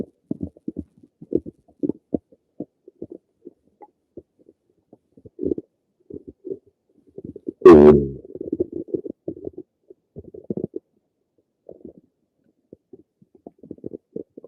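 Scattered short gurgles and clicks with one louder gurgling rush midway; normal active bowel sounds.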